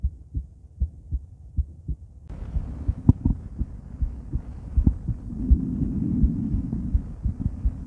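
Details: Normal heart sounds of a female, auscultated with various stethoscopes at Erb's point, mitral, tricuspid, aortic and pulmonic areas: regular paired thumps near 80 a minute with stethoscope rubbing and tone changes.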